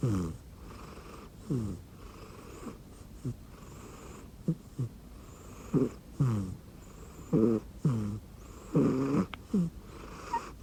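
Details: Rescued cat sleeping on an arm pillow and futon: short, irregular snorting snores with whistly squeaks on the breaths, repeating every second or two; cat snoring.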